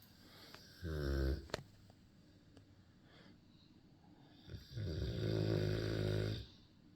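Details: Two long, low, rattling snores with quiet pauses between them from a sleeping dog; ordinary snoring.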